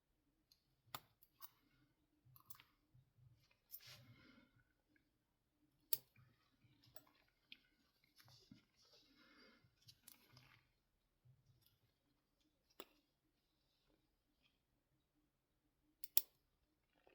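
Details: Veterinary cat spay under anesthesia, during suturing after muscle and subcutaneous closure and before skin closure: quiet room with scattered sharp metallic instrument clicks and soft rustling as suture is handled.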